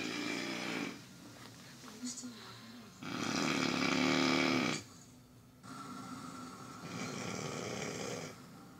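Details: Person asleep producing loud, rasping snore bursts with a buzzy, mechanical edge in a steady rhythm; snoring.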